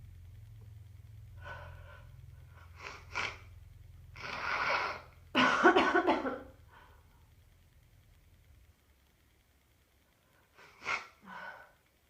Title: Stuffed up cold sneezes and thick nose blowing